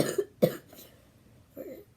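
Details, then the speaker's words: Morning cough in a young person getting ready for school, who had an ear infection the day before: two short dry coughs, then a softer throat sound. "I'm sorry, I like cough a lot in the morning. But yeah."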